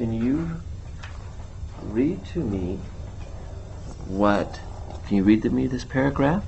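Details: Adult examiner's voice; normal speech.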